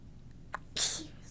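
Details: Adult with a stuffed-up nose, mid-conversation: a small catch of breath, then one soft, airy, tickly sneeze that trails off quickly.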